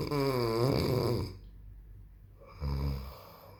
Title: daddy snoring so heavy and I, still can sleep 😱